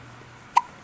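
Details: A single abrupt, brief click-like catch over quiet room noise: an infant's hiccup.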